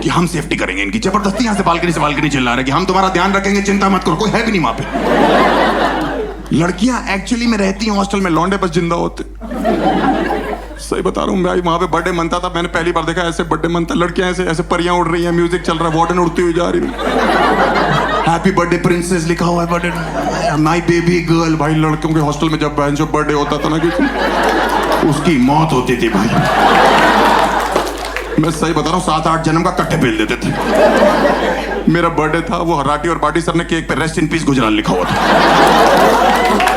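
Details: Adult male speaker performing stand-up; no speech disorder.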